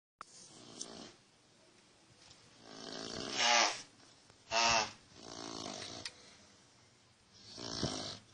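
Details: Slow, rough snoring on the in-breaths, with loud snorting peaks alternating with quieter breaths, roughly one cycle every few seconds; snoring.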